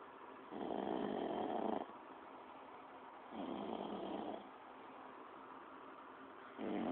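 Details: Sleeping person wondering whether they snore loudly or quietly: regular rasping snores on each in-breath, about every two and a half seconds, with quiet out-breaths between; moderate snoring.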